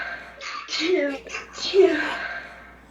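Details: Girl sneezing with stifled sneezes: a sharp inward gasp followed by an explosive burst, then a second softer burst.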